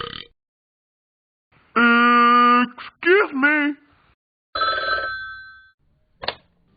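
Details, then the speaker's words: Animated cartoon dog character (Talking Ben app for iPhone/iPad) produces a long, low, drawn-out burp sound effect, then voice-like sounds and a ringing tone: simulated playful burping. "Your burp is so cool. Yes. I know, right?"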